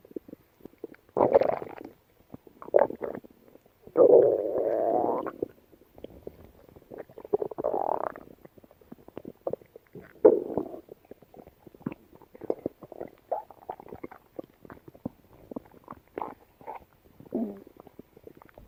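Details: Yellow Labrador dog gut sounds: irregular gurgling and bubbling with longer rumbling runs; active borborygmi.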